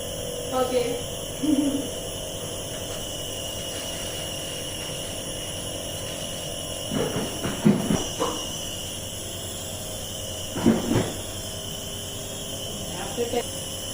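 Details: Nebuliser compressor running, steady mechanical hum and whine with brief background sounds, while a patient with severe cough inhales the mist with normal breathing.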